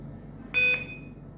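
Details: A single short, high electronic beep over quiet room noise from an INFUSYS-S syringe infusion pump as a bolus is started.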